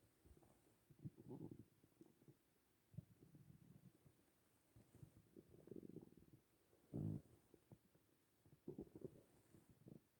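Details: Morning hunger stomach growling: quiet low gurgles and rumbling bursts that come and go, a normal bowel sound (borborygmi).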